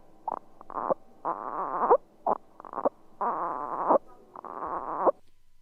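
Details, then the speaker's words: Expiratory grunting in a child in a clinical training example: repeated short voiced guttural grunts with each breath out, made to keep elevated positive end-expiratory pressure and stop the alveoli collapsing, a sign of respiratory distress. "grunting is a guttural noise and it's made by the child trying to keep an elevated peep an elevated positive end expiratory pressure"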